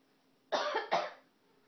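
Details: A person coughs near a cat on its cat tower that meows at coughs and sneezes: two quick harsh bursts in a quiet room, a short double cough.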